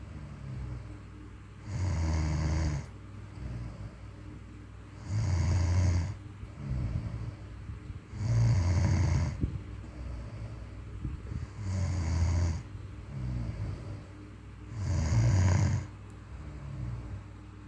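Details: Loud low rumbling snores on each breath in, about five in 17 seconds, with quieter breaths out between them; ordinary snoring during sleep.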